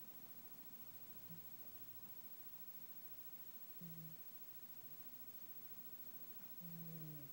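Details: Sleeping cat: three soft, low buzzing snores about every two and a half seconds over quiet room hiss; gentle snoring.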